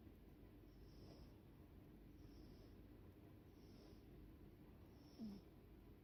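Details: Deeply sleeping cat: soft, low, rhythmic snoring with slow, regular sleep breathing, about four breaths in six seconds.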